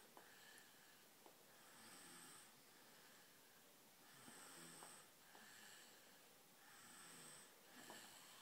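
Irregular rasping snores with whistling and snorting on the breaths, roughly 24 a minute, over low room noise.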